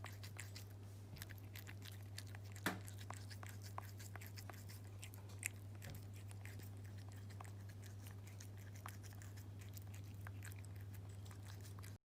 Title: ホルネル症候群 猫 給餌 歯ぎしり Cats Horner syndrome Feeding Teeth grinding